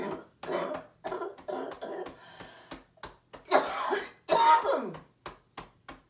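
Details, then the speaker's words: Adult female surgeon with COVID-19, day 23, right lung pneumonia, during chest percussion and postural drainage, huff-coughs to clear sputum: runs of short repeated forced coughs on each exhale, with deep breaths in between. "I don't always do that but if it's getting stuck in there you'll see me breathe that way on exhale I just go cough cough cough cough"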